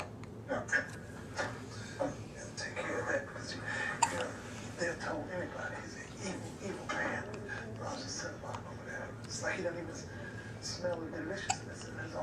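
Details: Baby hiccups: an infant hiccups repeatedly, about eight short, sharp catches in twelve seconds, with quiet talk in the background.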